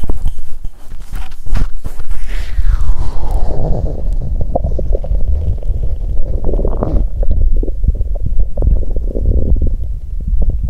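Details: Bowel sounds (borborygmi) from an adult woman's abdomen on menstruation day 2: loud continuous gurgling and rumbling with a long falling squeaky, horn- or tuba-like gurgle and bubbling pops.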